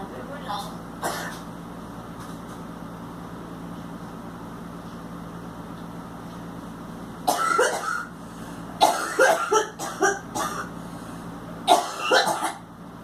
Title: Girl coughing and vomits